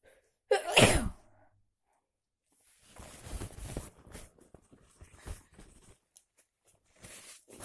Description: I continúe sick ,with a big sneezes cold .